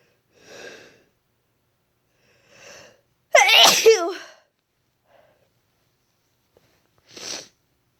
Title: Desperate induced sneezes